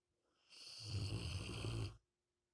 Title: My dogg G Rottweiler snoring sleeping smile